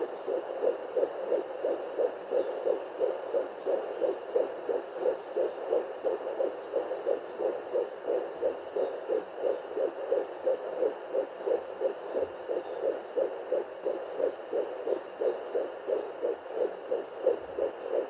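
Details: Fetal heartbeat at 11+3 weeks of pregnancy, picked up by a handheld pocket fetal Doppler: rapid, regular whooshing pulses.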